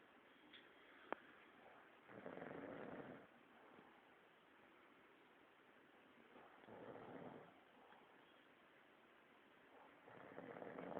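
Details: Adult male employee napping: slow, rough, rattling snores on breathing in, about one every four seconds, over steady room hiss; snoring during sleep.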